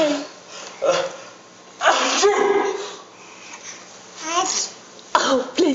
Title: Twins Sneeze دوقلوها